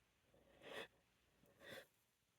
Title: Itchy allergic sneezes(some induced) #female